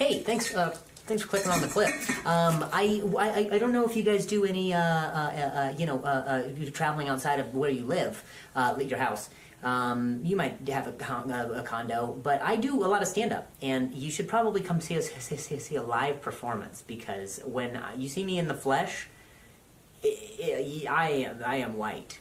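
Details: Real stuttering in an adult male stand-up comedian who describes it as a very mild speech impediment; repetitions of words and phrases are heard during the set.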